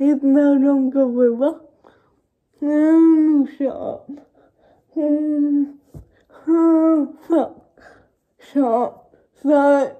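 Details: Young woman who states she has cerebral palsy, speaking spontaneously (real, not acted); dysarthric speech in cerebral palsy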